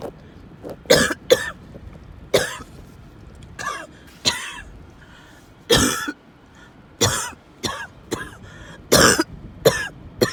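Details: An adult in a car has another coughing fit of about twelve harsh, forceful bursts with short gasping pauses, described as coughing, wheezing and choking, with faint road noise.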